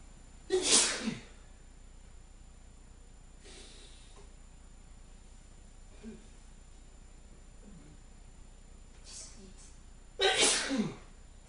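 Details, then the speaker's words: Two loud explosive sneezes several seconds apart with quiet breaths between, deliberately acted on camera by a man saying his irritated, itchy nose keeps making him sneeze; repeated sneezing. "I just can't quit sneezing. My nose is irritated so much that all I can do is just stand here and sneeze like this."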